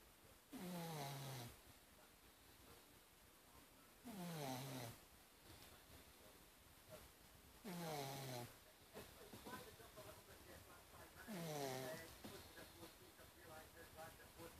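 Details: Sleeping pug snoring with its eyes open: rhythmic rattling snores, about 17 a minute, with quiet pauses between them.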